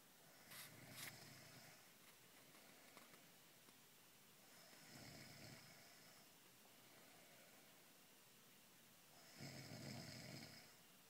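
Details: Slow, rasping snores about every four to five seconds over steady room hiss, from a pregnant woman asleep at night, described as a side effect of pregnancy; snoring.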